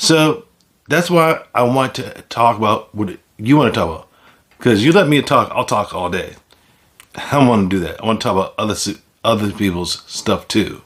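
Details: Adult man with aphasia after a stroke, with word repetitions and some imprecise word choices; aphasia.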